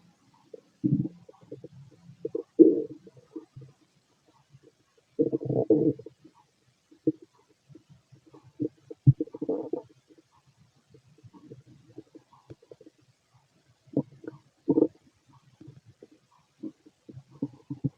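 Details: Fit adult male, abdomen heard through a stethoscope while digesting pastry, chicken, curry, bread, milk, eggs and pasta: irregular gurgles and rumbles with silent gaps; bowel sounds.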